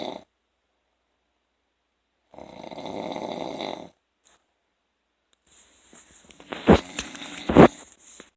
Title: [Deleted Snoring Vids No.4] Snoring after work